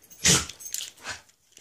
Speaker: if you hear that as my dog sneezing in the background